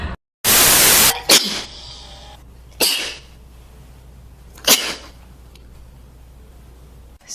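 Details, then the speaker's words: Several sharp, explosive sneezes in a row, one very loud, separated by quiet room noise; the person attributes them to the sun and says their allergies have been bad recently. "I knew I was gonna sneeze. I'm gonna sneeze because of the sun. My allergies are so bad recently too."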